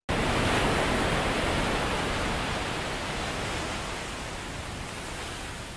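Steady, rushing ocean-wave noise, a hearing aid's tinnitus relief sound, fading slightly, with a brief voice cutting in at the end.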